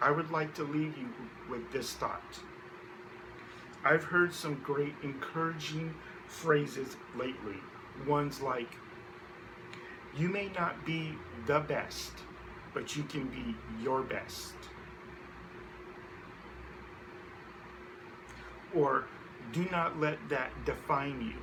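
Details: Adult man who identifies himself as a person who stutters. Stuttering.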